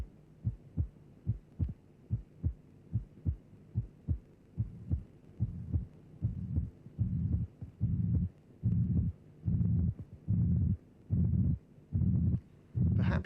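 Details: Simulated heartbeat near 73 a minute: a flat, constant-amplitude pansystolic murmur fades in and obscures both heart sounds, with a hint of the second sound at its end; mitral regurgitation.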